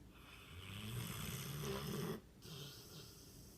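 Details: Loud snoring from a sleeping mastiff dog lying on the sofa: one long, low, rumbling snore with a snorting end, then a softer breath, in a quiet room.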